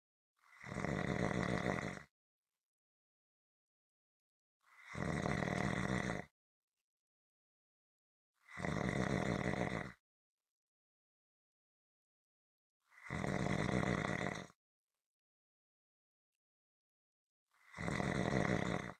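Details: Consistent rhythmic snoring: harsh, evenly spaced rattling breaths with silent gaps, about 14 a minute; rhythmic snoring.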